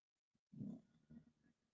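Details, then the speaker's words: Two snores heard in turn: a low, rough, rumbling snore with a faint sound before it and a softer second snore after; snoring. "can you guys hear these two snores there's one there's the other there"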